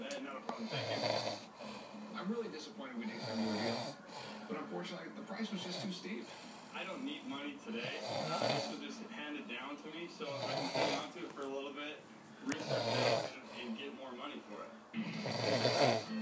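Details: Repeated rough snoring breaths, about 24 a minute, from a sleeping female roommate, with talk and a television in the background; snoring.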